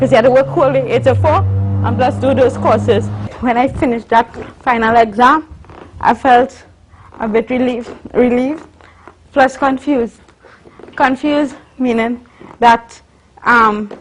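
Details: Adult woman, a university student born with cerebral palsy of the spastic and athetoid type (stiff muscles, uncontrollable movements), with dysarthric speech in cerebral palsy.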